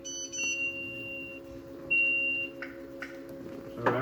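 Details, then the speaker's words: Steady electronic alarm tones with intermittent beeps from a dialysis machine at treatment startup, needles in the patient's arm, signalling blood detected in the waste line; alarm resets and treatment continues. "alarm saying there was blood in the waistline. The machine does that sometimes on startup. You just reset it and it'll keep going."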